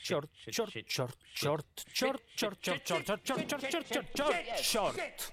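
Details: Acted stuttering in a film scene, Ukrainian dub: a man portrayed with severe nervous stuttering repeats a swear word during a speech therapy session, stuttering on the final repetition.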